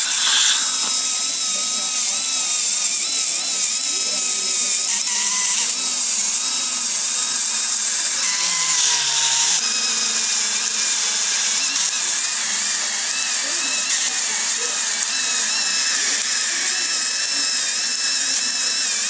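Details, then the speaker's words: Steady high-pitched whine of a dental handpiece running a polishing point on the proximal surface of a class V abfraction composite restoration, with slight pitch shifts under load. "and then I'll use a polishing point to get in a proximal"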